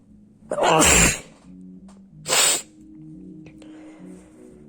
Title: Sneezing